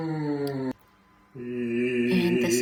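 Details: Improved singing voice in a male patient with muscle tension dysphonia after vocal physiotherapy with pelvic tilt and gentle transversus disengagement cues; he reported feeling more resonant, no restriction, and a smoother voice.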